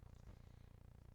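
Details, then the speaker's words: Dog snoring faintly in the background while asleep: a quiet, low, fluttering rumble. "and you can hear my dog snoring in the background so I apologize she thinks that this lesson is a little boring"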